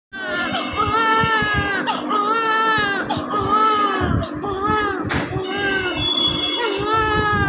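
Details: A one-day-old newborn cries continuously in high-pitched, wavering wails with brief catches for breath.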